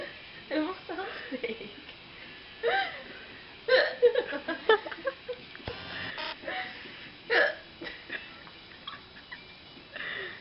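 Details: Repeated short, abrupt voiced hiccups at irregular intervals with quiet vocal sounds and room noise, in a person who had too much to drink and says it hurt; drunken hiccups.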